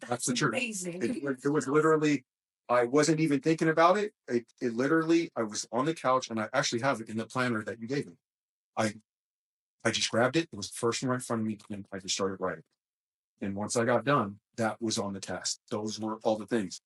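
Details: Adult male who describes his own small speech impediment, a stutter, which he links to his mind always moving fast since childhood. Stuttering.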